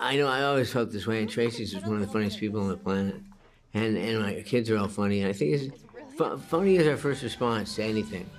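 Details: Hypokinetic dysarthria in a 61-year-old man with Parkinson's disease, diagnosed at age 29.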